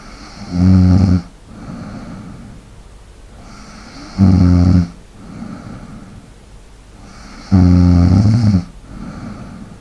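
Loud, rattling snores on each in-breath, about three in ten seconds, with soft breathing between them: snoring during sleep.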